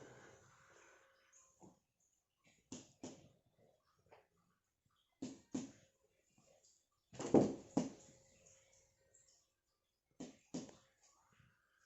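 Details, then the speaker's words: Normal tympanic abdominal percussion note from a male patient during a nursing physical exam practical: paired percussion taps over four abdominal quadrants give hollow, drum-like notes, not hypertympanic. "Ya, bunyinya timpani normal, karena jika tidak normal itu bunyinya adalah hipertimpani, berarti dia kembung atau adanya udara di dalam ususnya."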